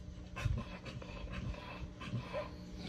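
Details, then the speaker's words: Male dog, agitated for about 2 days because a nearby female is in heat: hard, rhythmic, noisy excessive panting with faint whining; owner says it sounds like an asthma attack; he has drunk lots of water. "That's not his chain. That's him. Sounds like he's having an asthma attack."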